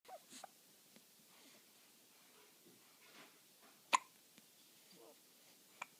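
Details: Hiccups: quiet, soft breathing sounds broken by a few sharp hiccup-like jerks, one louder than the rest.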